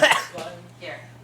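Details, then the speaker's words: A smoker trying to clear something from the throat: a short, harsh voiced cough, then two softer throat-clearing sounds over a steady low hum. "i'm trying to get stuff out of my throat i don't know even though i'm holding it kids don't smoke like me because your voice is 14."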